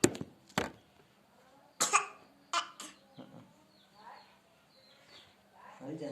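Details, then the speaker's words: Several short, dry coughs from a young girl, with brief vocal sounds in between in a quiet room; a mild cough that her father is somewhat worried about. "Tuh, aduh, batuk lagi."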